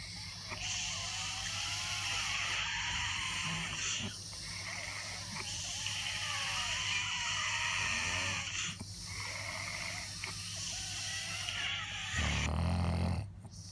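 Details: Real, unacted nap of an adult with daytime sleepiness: loud, rough, rattling snoring and heavy breathing in long breaths, with apnea pauses ending in a sudden low snort, consistent with obstructive sleep apnea.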